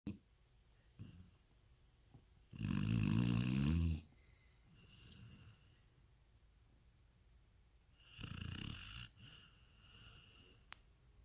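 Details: Snoring during sleep: loud rattling snores on breathing in, with softer breaths out between them, from upper-airway vibration.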